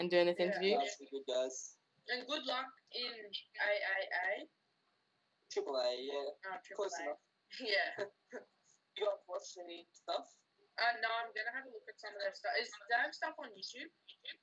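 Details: Adult speaker; typical speech.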